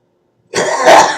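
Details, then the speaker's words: An adult gives a single harsh, rasping, throat-clearing smoker's cough; they fear COPD and say they only cough like that after smoking a joint. "Well, that's a therapeutic cough. Right. Well, I mean, it's a smoker's cough. Is what Yeah. it sounds like."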